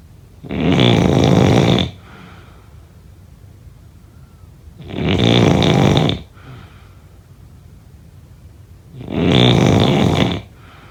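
Three loud, harsh snores about four seconds apart, roughly 15 a minute, with quiet breathing between: snoring during sleep.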